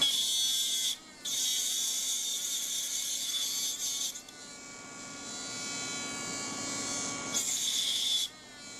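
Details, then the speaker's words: Dental lab: high-pitched handpiece whine with a brief pause and higher grinding pitch as an aluminum oxide separating disc cuts the sprues off sandblasted cast metal crown copings. "the next thing that I'm going to do is I'm going to start cutting off the screws and I will use separating disc aluminum oxide"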